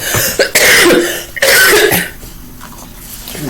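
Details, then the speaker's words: Adult with a lingering ongoing cough and audible wheezing, using cough drops and tea: two harsh, forceful coughs. "tired of coughing. Tired of cough drops, all that."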